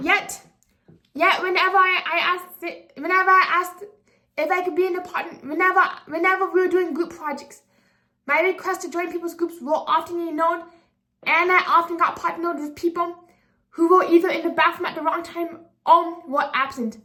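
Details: 24-year-old woman with apraxia of speech, a speech disability making sound articulation challenging, speaking unscripted; apraxia of speech.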